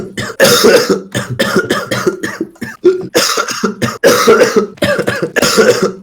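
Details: Adult man coughing all evening, says coughing feels so bad his eyes bulge out: about a dozen harsh, wet-sounding cough bursts in close succession with brief gasps between; repeated cough.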